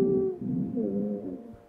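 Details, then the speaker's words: Simulated virtual-reality asthma patient with shortness of breath; stethoscope on the back over the lower lobes shows inspiratory and expiratory wheezes, the expiratory ones grunting as air is pushed out with effort. "this gentleman has inspiratory and expiratory wheezes but those expiratory wheezes are kind of grunting right like i can hear"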